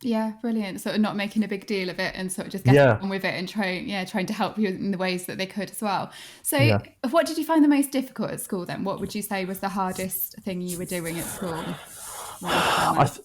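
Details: Adult woman speaking; typical speech.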